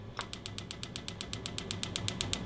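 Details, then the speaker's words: Regular sharp clicking pulses, about seven a second, from an extracorporeal shockwave therapy applicator with gel on the lateral elbow of a woman treated for tennis elbow (lateral epicondylitis); shockwave pulses. "we could go ahead and get the sound pulses going on so what you're going to be hearing is these are the sound pulses and"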